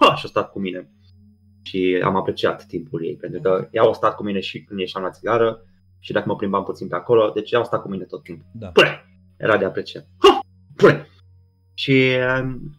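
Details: Young man with Tourette syndrome, a stage comedian, speaking in a Romanian podcast interview with vocal tics such as repeated 'psi' and 'tata tata tata' between words; Tourette syndrome vocal tics.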